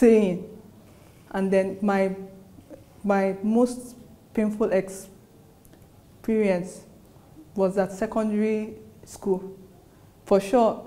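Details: Adult female postgraduate student who has stammered since childhood: stuttering.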